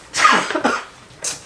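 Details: Two quick harsh coughs followed by a short breathy burst: an acted, deliberately produced cough as part of a prank faking illness among friends.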